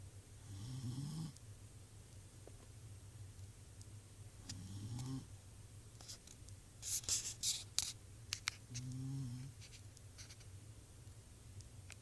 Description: My dog fell asleep and started snoring.